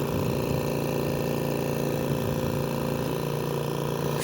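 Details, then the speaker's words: AirSep Intensity 10 oxygen concentrator (10 L/min) with a faulty compressor: steady low mechanical running noise with fast, uneven rattling and rubbing. "escucha un ruido extraño el cuarto lo van a ver ahí ese traqueteo proviene del compresor así que vamos nosotros a analizar de qué se trata ese rozamiento no vaya a perjudicar algún elemento crítico no el equipo"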